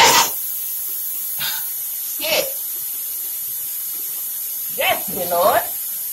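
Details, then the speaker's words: Repeated sneezing in a bathroom, followed by a slight headache: several short sneezes and sneeze-like bursts over steady room hiss. "okay okay okay you cannot sneeze all right i don't know how many times that was but that was [ __ ] annoying"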